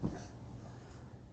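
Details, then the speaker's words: Child, likely young, with croup, coughing on request: one short, harsh, hoarse, low barking cough, seal- or dog-like, the distinct croup cough. "And you can hear that cough. It's very distinct. Again, it sounds kind of like harsh or hoarse, kind of like a seal or a dog is how people usually describe it."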